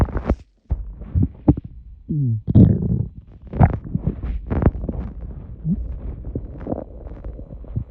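Irregular gurgles, squeaks and low rumbles from the belly after swallowed air, ordinary stomach rumbling.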